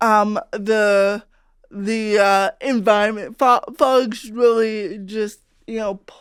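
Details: Adult female comedian with cerebral palsy, real conversational speech; dysarthria (cerebral palsy)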